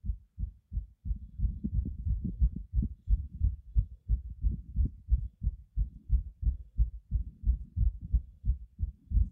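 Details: Tachycardia at 190 bpm, heartbeat visible, old 2019 recording: very fast, regular low heartbeat thumps.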